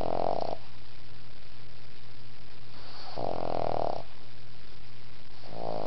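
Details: Snoring from a pet sleeping between its grandpa's legs: low rumbling snores on each breath, about one every three seconds, with background hum.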